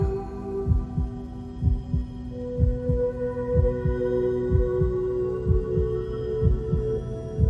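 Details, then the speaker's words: Regular low paired thumps at about 62 a minute under sustained background music, a steady heartbeat illustrating the left heart pumping blood with each beat. "Elles permettent de rejeter la moindre goutte de sang à chaque battement de cœur."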